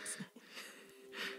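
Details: A child with hiccups: two abrupt, breathy catches of air about a second apart, with faint room noise and a steady hum.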